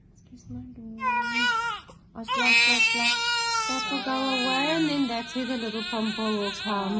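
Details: Newborn, the mother's second child, in hospital after birth: loud, strong crying in bursts with a brief pause for breath; an ordinary healthy-sounding newborn cry.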